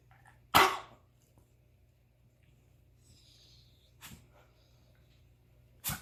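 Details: A dog with a constant cough gives one loud, harsh cough burst, then two fainter coughs a few seconds apart in a quiet room: repeated cough.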